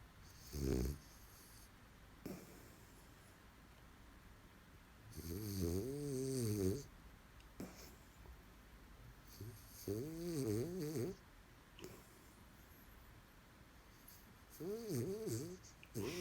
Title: Frenchie snore